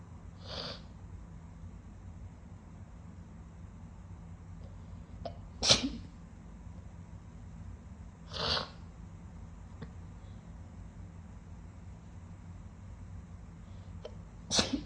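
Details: Sniffly wet sneezing: four sharp, wet sneezes spread over about fifteen seconds, with steady room noise between them.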